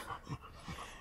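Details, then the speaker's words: Four-year-old female Rottweiler panting while walking after a long, tiring walk; owner says the leash is not tightening on her throat. Quick, low, rasping audible breaths: normal panting after exercise. "of her breathing right now because we're walking. Don't think that the leash on her throat is tightening. We walked a little too much. She and I are both quite tired."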